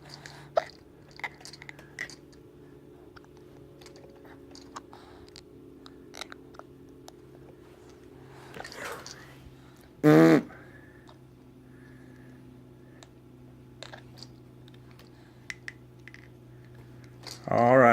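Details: Teeth grinding (bruxism) in an infant who also has hiccups and blows raspberries: faint scraping, crunching clicks.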